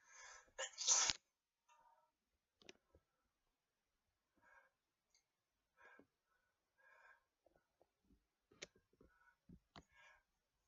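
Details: Sharp, hissing sneeze burst near the start, then quiet snuffles and faint clicks in a small room: sneezing.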